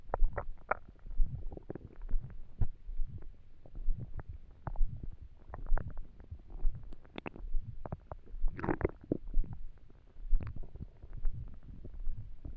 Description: My tummy was empty and it was hard to sleep.